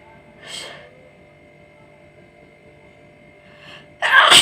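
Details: Sneezing challenge: a soft breathy build-up, then a sudden loud sneeze burst at the end, over faint room hum and background music; sneeze.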